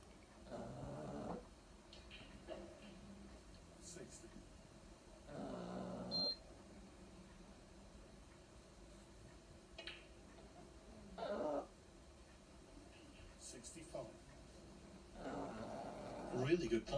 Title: Snoring Pug woken up rudely lol